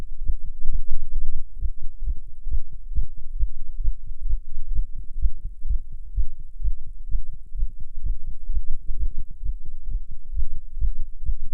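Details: Tachycardia in a non-smoker while smoking a cigarette: fast, steady, low heartbeat thumps around 120 per minute with a faint hum. Nicotine raises the heart rate, an effect stated to be stronger than usual.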